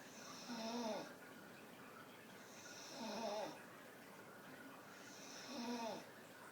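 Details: Staffy dog snoring while sitting with her eyes wide open: three rhythmic, fluttering snores about 2.5 seconds apart, roughly 24 per minute, over quiet room hiss.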